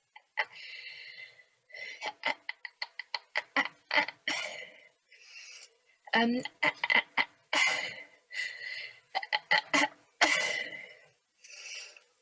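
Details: Woman who stutters, recorded on the first day of a stuttering therapy course before treatment, with blocks when trying to say her name; stuttering (blocks).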